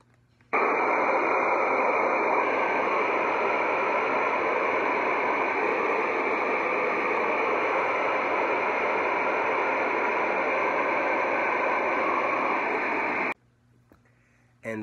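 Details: A VibraLung acoustic airway clearance device on its random white noise setting, meant to relax and open the lungs, gives steady hissing static for about thirteen seconds, then stops abruptly: acoustic airway clearance device, white noise setting.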